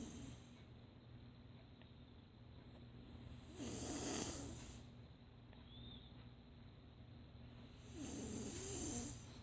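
Soft, regular snores repeating every few seconds over steady room hiss; snoring during sleep.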